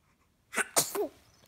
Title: 2 month old sneezing :) 10.11.15